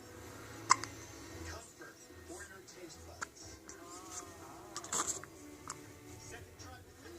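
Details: A child's hiccups: sharp, abrupt gulping catches, about three in seven seconds, with soft background voices and faint music.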